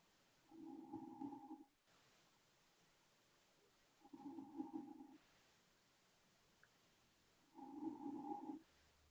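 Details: Adult woman: three droning, buzzy snores at about 17 breaths a minute, with quiet pauses between them; snoring.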